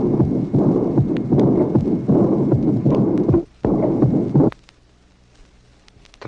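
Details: Aortic regurgitation on a 1966 teaching recording: rapid heart sounds with a loud, drum-like (tambour) aortic second sound marking the start of a soft, blowing diastolic murmur.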